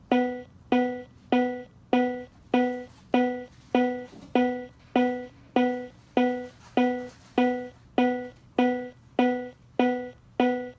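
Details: Cardiac Science Powerheart G3 AED on enhanced settings, after a delivered shock, pacing rescuer compression-only CPR: regular tonal metronome beeps at about 100 a minute guiding chest compressions.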